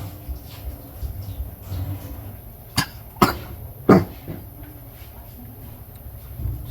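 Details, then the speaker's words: Ill vervet monkey at a sanctuary during a respiratory virus outbreak: three short, deep coughs over low room noise, typical of the respiratory infection. "there you can hear the Deep kind of cough they actually get"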